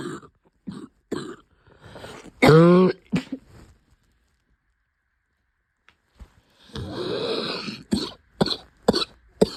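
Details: Persistent cough of a few months in an adult, diagnosed as pneumonia and since recovered: repeated short coughs and throat clearing.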